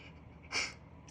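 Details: Adult male with allergies on a rough allergy day: one brief, sharp, hissing sneeze burst in a quiet room; allergic sneeze.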